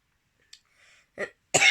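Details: Cough from a person during a FasterEFT tapping session.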